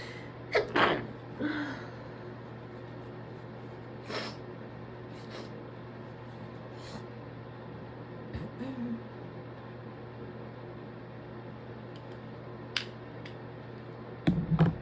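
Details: Repeated sharp sniffs through a blocked nose against a steady room hum; congested sniffling in an adult with a suspected stress cold, sniffly and congested all day, before inducing sneezes.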